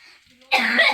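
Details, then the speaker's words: Sick young boy gives a single harsh cough burst after a quiet start, during a family illness before a doctor visit. "ah ça y est ça y est ça y est ça y est il se met tousser tu l'entends hein"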